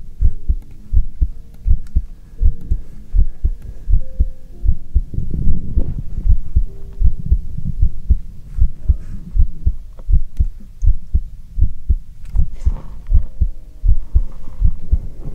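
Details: Normal heartbeat heard through a stethoscope in an ASMR livestream: steady, regular low thumps at about 80 beats a minute with faint tones and rubbing in the background.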